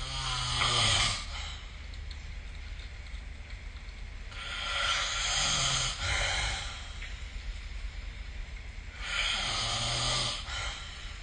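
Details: Three slow rasping breaths, about 16 a minute, over steady room noise, recorded with the SnoreLab app during sleep; snoring.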